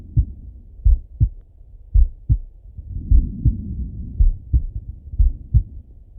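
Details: Male heartbeat on auscultation: deep, regular paired lub-dub sounds at about 55 beats a minute; slow, steady heartbeat.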